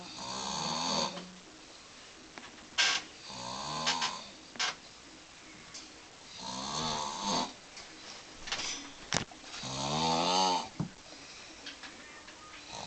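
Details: Slow, rumbling, rattling snores about nine a minute, with quiet pauses between them, from a sleeping man who denies snoring; audible over the TV.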